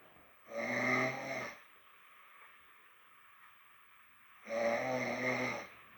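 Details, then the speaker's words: Adult with a cold snoring loudly in sleep around 2:48 a.m.: two loud rattling snores on inspiration, about three seconds apart, with quiet between them. "2h48 quand je ronfle. Je ronfle fort."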